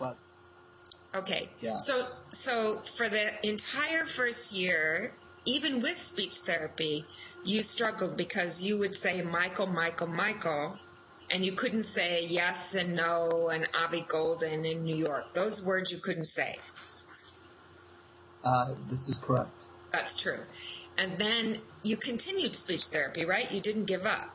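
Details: Adult woman speaking, with a brief reply from a second adult; Normal speech.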